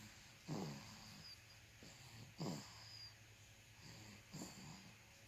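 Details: Infant snoring: soft, rhythmic snorting snores with each breath, about 30 a minute, over a faint background hum.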